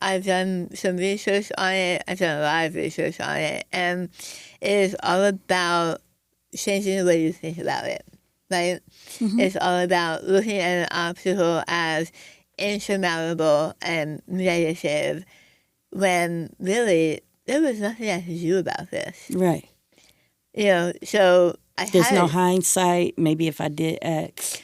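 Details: Adult woman after stage 4 tongue cancer, over half of tongue removed and reconstructed with arm-skin flap, plus chemoradiation and speech therapy; articulation distortion after partial glossectomy.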